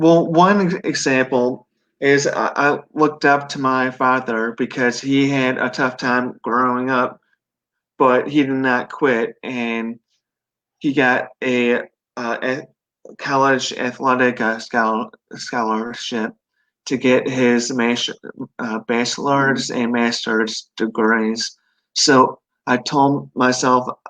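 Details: 42-year-old man, 25 years after a stroke at 17 from an artery rupture during benign brain tumor surgery, which left global aphasia and right-sided paralysis; relearned speech; mild residual aphasia.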